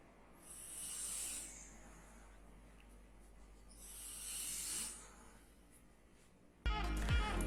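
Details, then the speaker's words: Snoring during sleep, attributed to narrowing of the airway and possibly, but not necessarily, a sign of disease: two long, hissing, rough breaths about three seconds apart, then music cuts in. "ternyata ngorok ini bisa merupakan sebuah penyakit dan juga bukan penyakit artinya gini sobat sekalian Kenapa ngorok itu terjadi karena adanya penyempitan saluran pernapasan"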